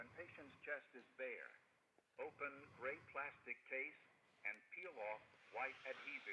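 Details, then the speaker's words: Recorded voice prompt from an AED telling the rescuer to remove clothes from the patient's chest, open the case and peel off the pad backing; AED voice prompt walking through each step. "And if you that wasn't clear enough, if you turn it on, >> Remove clothes from patient's chest. >> It tells you what to do. It will walk you through every step of the way."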